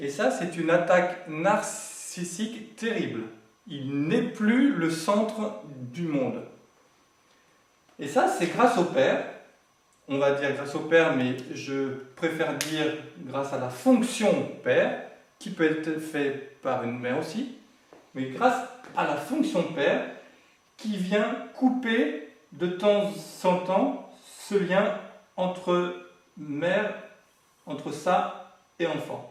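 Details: Adult male who has lived with stuttering for 20 to 40 years and says he is now managing to speak through it; stuttering.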